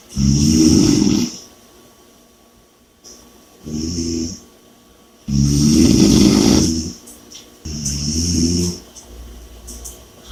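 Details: Heavy, vibrating snores repeating every few seconds, separated by softer breaths; steady, loud snoring during sleep.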